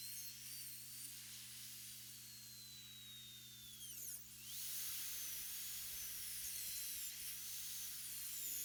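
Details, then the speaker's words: Quiet, very high-pitched whine shifting in pitch with low room hum: high-speed handpiece with diamond bur doing interproximal mesial/distal clearance during full metal crown preparation of upper molar #15. "During this process of interproximal clearance of the mesial and distal surface, it is critical that the burr and the handpiece are in constant movement. This will prevent that diamond burr and the handpiece from getting caught on the tooth structure."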